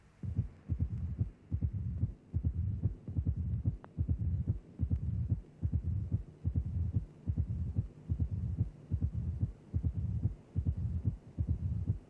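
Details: Opening snap of mitral stenosis.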